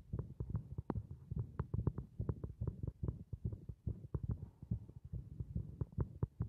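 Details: Heartbeat of a heart resisting compression: rapid, low, thudding beats with a steady hum beneath, roughly 140 a minute; a fast heartbeat.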